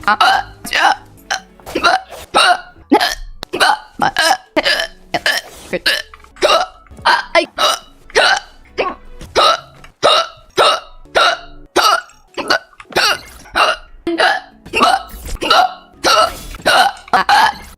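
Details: Run of hiccups: about 30 short, sharp, fairly regular bursts at roughly 100 a minute.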